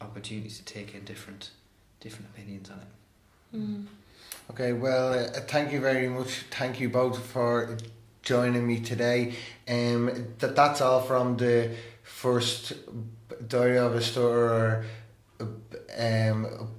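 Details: Adult man who stammers, openly disclosing his stammer and attending therapy; stuttering.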